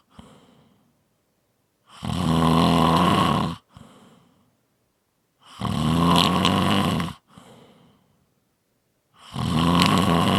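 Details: Loud, regular rattling snores on each breath in with soft breaths out, about 17 breaths a minute; steady heavy snoring.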